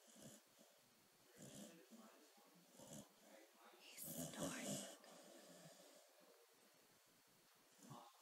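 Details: Sleeper snoring: soft, irregular low snoring sounds with breathy noise and one louder snort near the middle, in a quiet room.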